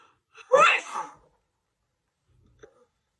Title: Hersneeze sneezing fit on camera for 2 minutes and 27 seconds. #sneezingfit #funny #sneezeattack